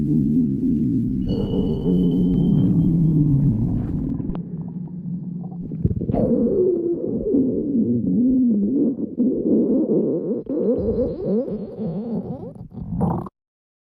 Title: stomach growling